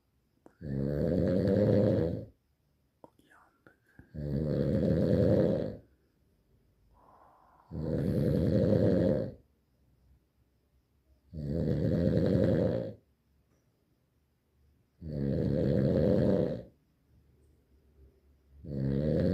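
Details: Loud, regular rattling snores on each inhalation, about 17 per minute, with quiet pauses between them; snoring during sleep.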